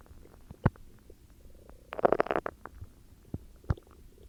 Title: Stomach growls UwU